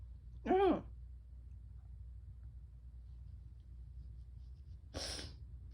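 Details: Sneezing in someone with bronchitis: a voiced intake, then a few seconds later a sharp hissing burst in a quiet room.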